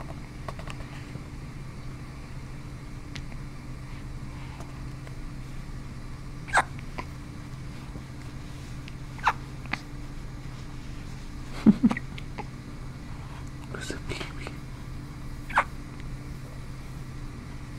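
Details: Newborn baby boy on the night he was born, his first hiccups outside the womb: soft, brief, jerky catches repeating every few seconds over a steady low room hum; hiccups.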